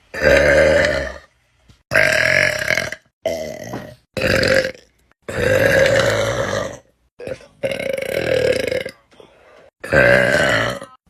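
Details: Girl burping: about seven loud, prolonged, deep belches in a row, separated by short pauses; voluntary burping.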